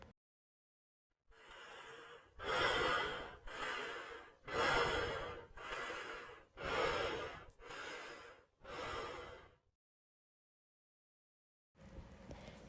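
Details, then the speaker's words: Simulated patient in a paramedic respiratory assessment, complaining she can't breathe and that it hurts, takes rapid, loud, effortful breaths in and out; laboured breathing (dyspnea). "our patient is pointing to us more in the direction of difficult ulty breathing but we will still treat her as a possible respiratory"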